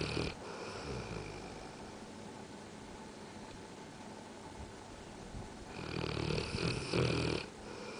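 Rough, rattling breathing noises from a sleeping large dog, loudest at the start and end; snoring.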